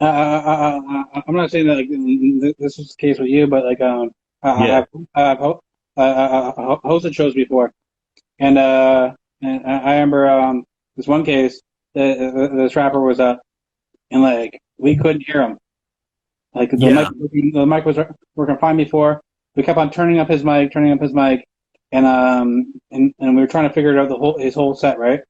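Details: Adult male interview host who reports having a stutter and stuttering in his interviews; stuttering.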